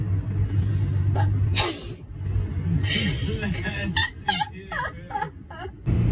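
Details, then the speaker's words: Single sharp, explosive, uncovered open-mouth sneeze triggered while applying mascara in a car, over engine rumble and faint music, followed by brief speech; sneezing. "oh no I have to sneeze dang it I always sneeze when I do mascara"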